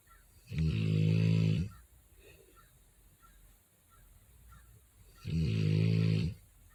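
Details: Sleeping Rottweiler giving loud, deep, rattling snores, two breaths about five seconds apart; snoring.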